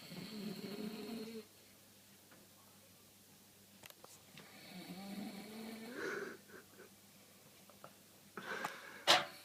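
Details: Snoring during sleep: irregular, rough snoring breaths with pauses, then a brief louder burst at the end.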